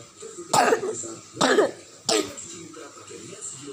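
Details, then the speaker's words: Person sick with a cough and cold, indoors while it rains outside: three separate harsh, slightly throaty cough bursts. "Aku lagi batuk guys, lagi sakit."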